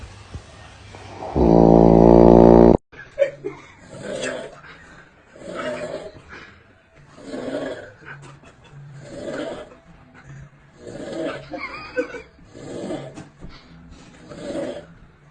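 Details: Loud, regular rattling snores about every 1.5 seconds after a brief loud tone, in a small quiet room; snoring.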